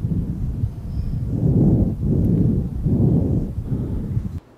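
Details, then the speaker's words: Normal bronchovesicular breath sounds by stethoscope at 1st–2nd intercostal spaces near the sternum, 22-year-old male, clinical skills demonstration: soft, low rushing, inspiration and expiration of similar length, moderate intensity and pitch, brief pause between. "Third, bronchovesicular breath sounds can be heard in the 1st and 2nd intercostal space area close to the sternum, where the intensity and pitch are moderate."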